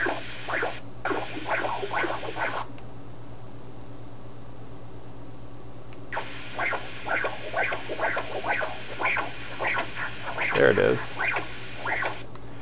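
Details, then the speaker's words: Pulsed-wave Doppler during cardiac ultrasound (Esaote MyLab Class C) of a 13-year-old dog with a heart murmur: rhythmic whooshing flow bursts with a pause, showing retrograde flow; mild pulmonic valve insufficiency. "so this then retrograde movement of blood indicates the the leakage at the pulmonic valve so you can measure that and get a pressure halftime from that"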